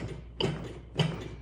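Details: Soft, regular ticking beats at about 100 per minute from a Lifepak CR2 AED in adult mode during a demo, pacing chest compressions after a delivered shock; AED CPR metronome.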